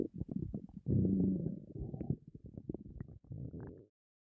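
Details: Person on a diet, very hungry, with an empty stomach: gurgling rumbles with a long low growl, bubbling almost without pause, hunger growling, a normal bowel sound (borborygmi).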